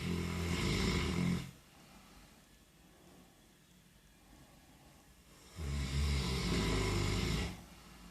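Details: A sleeping dog snoring: two loud, low, rattling snores, each about two seconds long, separated by a quiet pause of roughly four seconds.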